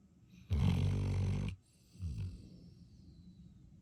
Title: Finny Snores